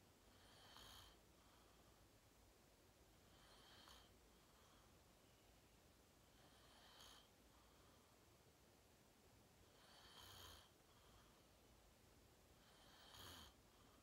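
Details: Self-recorded sleep video, fell asleep at 8:45 in deep REM sleep, tagged sleep apnea: faint snorting, noisy breaths about 20 a minute under steady room hiss; soft snoring.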